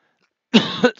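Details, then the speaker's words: A single harsh cough burst from an adult man who has been sick for a couple of days, while out walking. "then I started getting sick couple days ago and you can hear me coughing and right now and then"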